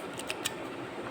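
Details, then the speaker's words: Demonstration of a Lupihaler dry powder inhaler held in the left hand: two or three faint, quick clicks over a quiet room hiss as it is pressed twice, very fast, to pierce the capsule before inhaling. "see with holding it the left hand I'm pressing two times you get a click"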